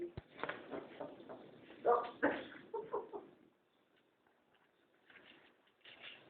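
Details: Dog coughing: a quick run of harsh, hacking cough bursts with some throaty, voiced sounds, then quiet apart from faint room noise.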